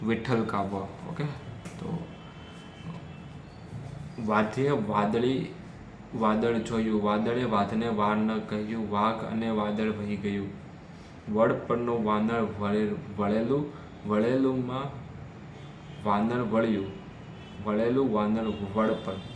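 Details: Adult man who stammers, speaking Hindi during day 7 of a daily fluency practice routine with breathing exercises, doing storytelling practice; stammering.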